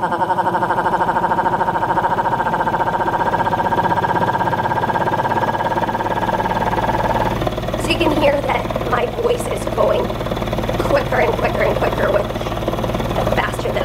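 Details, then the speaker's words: Voice vibrating as a high-frequency chest wall oscillation airway clearance vest (Hill-Rom Vest 105) shakes the chest of a person with cystic fibrosis, frequency turned up, held vocal tone fluttering rapidly over steady motor hum. "you'll hear in my voice it'll change I'll just make a noise and then I'll put the frequency up and you'll be able to hear it"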